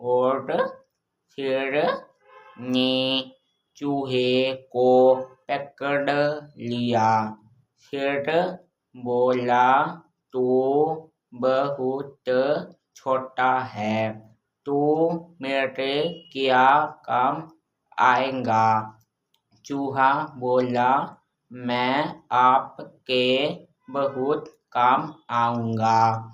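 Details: Boy in a speech therapy course who previously lacked proper speech, with stammering and lisping, now improved; speech and language disorder with halting, slow articulation.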